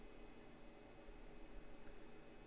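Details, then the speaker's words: Sine-wave tone played from a tone generator app for tinnitus pitch-matching therapy, with the sine wave chosen as a gentle, precise sound. "we're going to focus mainly on the sine wave because that is kind of the equivalent of using a fine laser scalpel we're doing a delicate surgery here we don't want to bludgeon our brain with sound"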